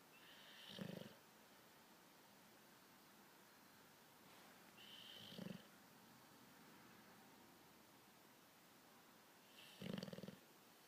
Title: Bulldog snoring